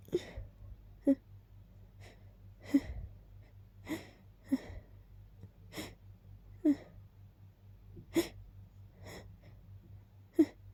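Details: Rapid allergic sneezing after smelling lilies and keeping them nearby: about ten short, sharp sneeze bursts with brief intakes between them.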